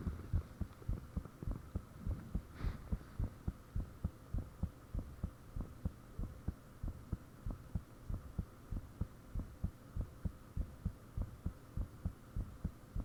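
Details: Self-recorded heartbeat with fan off, taken shortly after the heart began feeling unusually thumpy: strong, regular low thumps near 100 beats a minute over a steady hum; valve sounds and blood-rushing noises said to be audible at times.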